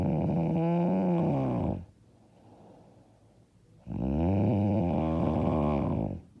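Two long, loud, rattling snores about two seconds apart with quiet pauses between; heavy snoring during sleep.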